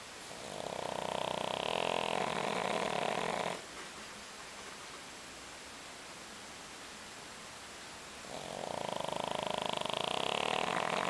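Two long, rattling, nasal snores with a quiet pause between them, from a small flat-faced dog.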